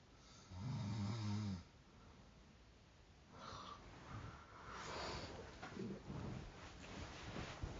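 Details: Sleeper woken by their own snoring: one loud, rattling snore on an in-breath, then stirring and quieter breathing as the sleeper rouses.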